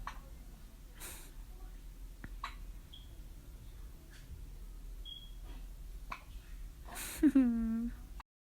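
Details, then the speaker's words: Several soft, brief hiccups at irregular intervals from a 1-week-old newborn girl in a quiet room, ending with a short whimper; newborn hiccups. "Whoa. Hiccups. Just like when you were in my belly."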